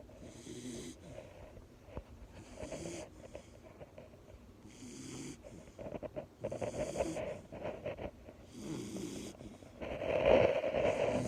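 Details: A sleeping, relaxing miniature or English bull terrier snores in a steady rhythm, roughly 30 breaths a minute, each breath a rough, rattling snort with soft whistling: snoring.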